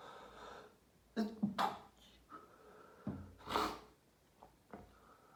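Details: Daily sneezing fit after showering, second half recorded: several sharp sneeze bursts with quick gasping inhalations in a small room.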